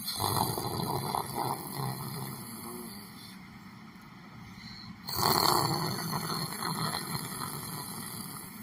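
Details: Person sitting in a chair, asleep and snoring: rough, rumbling breathing, a brief quieter pause, then another loud rattling breath, with room noise in the background; snoring.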